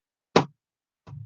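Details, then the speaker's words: Physiology class on the cardiac cycle: teacher imitates a single dull 'lub', the normal first heart sound (S1) from simultaneous closure of the mitral and tricuspid valves. "al mismo tiempo se van a cerrar estas válvulas y se va a escuchar un solo sonido que es el que les acabo de decir que es el"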